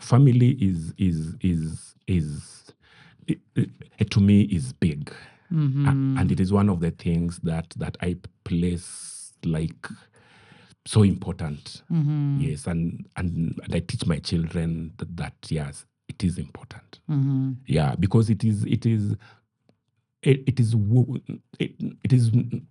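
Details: Stuttering (stammer) in an adult male hydrogeologist, who says he stammers more when hurried.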